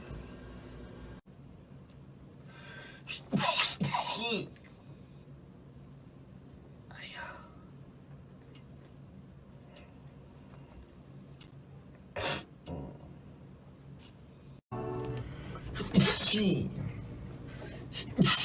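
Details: Several brief, small sneezes from an adult, cut together as a compilation, with quiet room noise between them.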